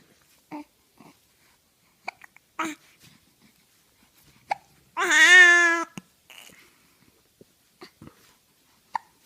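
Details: Hiccups: short, abrupt catches in the throat at irregular intervals, with one brief voiced sound in between.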